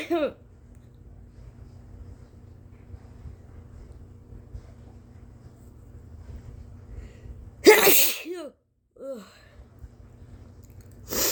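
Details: Induced sneezes in an adult: three forceful, wet sneezes with sharp explosive bursts and a voiced cry on each, separated by quiet room noise.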